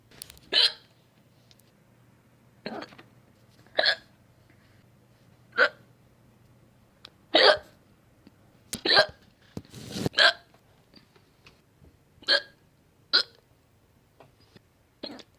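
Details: About a dozen short, sharp, abrupt hiccup sounds at irregular intervals with faint background hum; a compilation of hiccups.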